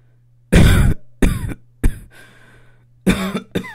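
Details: Five short, harsh, acted coughs in quick bursts over a low, steady background hum; a plain, dry-sounding cough.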